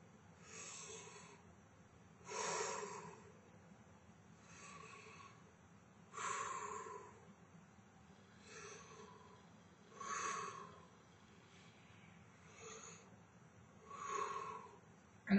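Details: Slow, deep breaths in and out through the mouth on request, about fifteen a minute, with ordinary airflow sounds, as a stethoscope is moved over the chest during a respiratory examination of a reclining adult.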